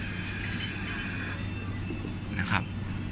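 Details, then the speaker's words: Bird ventilator: pressure raised from about 10 to 15 with flow fixed, audibly longer inspiratory time and tidal volume rising from about 260–270 to 600; pressure-cycled breath with prolonged inspiratory time. "เราจะได้ยินเสียงว่า I time นานขึ้นเมื่อเราปรับเพิ่ม pressure โดยที่โฟยังฟิกอยู่เท่าเดิมแล้ว tidal volume"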